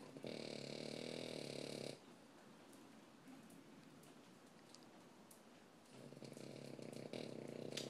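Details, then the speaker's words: Small Shorty Bull dog snoring very loudly, rattling snores in two long stretches with a quieter pause between, sounding like a man. "The dog snores like a man."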